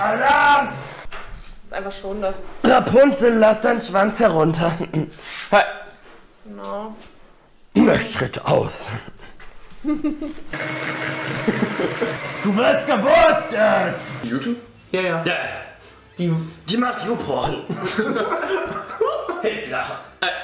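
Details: Man with Tourette syndrome, outbursts presumably vocal tics; vocal tics.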